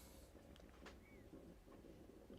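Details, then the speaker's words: Adult's stomach picked up on a podcast microphone: low, drawn-out rumbling with irregular gurgles and a brief squeak: stomach rumbling (borborygmi). "you hear that my tummy's rumbling that was your that was your tummy did you hear that yeah oh my God I might have to call it dude oh my God if that's your tummy"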